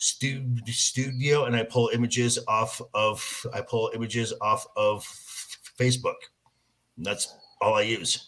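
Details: Stuttering in an adult male host who says he stutters, recorded in raw, unedited footage.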